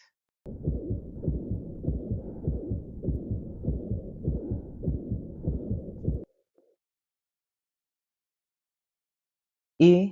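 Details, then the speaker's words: Ventricular septal defect murmur, a systolic murmur radiating band-like to both sides of the sternum; rapid heartbeat about 100 per minute with a harsh murmur filling systole. "Tenemos también la ación interventricular esta patología genera un soplo característicamente con irradiación en barra hacia ambos lados del"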